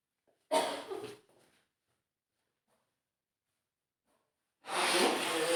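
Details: Acted scenario of a young woman with a nasty cold at home: two sharp, explosive sneeze bursts separated by silence; sneezing fit.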